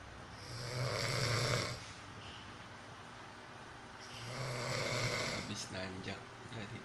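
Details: Person exhausted after coming home from work, snoring in sleep: two long rasping snores with a whistling, chirpy, lovebird-like edge, then a few short clicking sounds.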